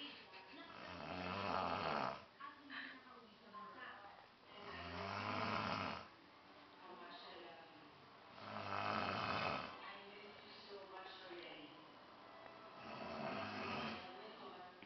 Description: Stopped and heard my uncle snoring. Ran to my room to grab my camera.